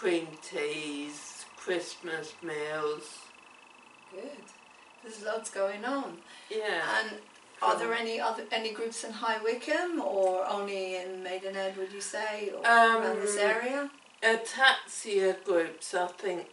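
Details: Adult female speaker; typical speech.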